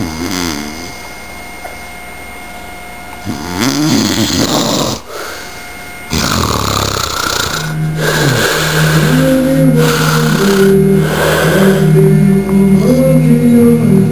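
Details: Severe obstructive sleep apnea: loud, rough snoring broken by a quiet pause, then a sudden snorting resumption.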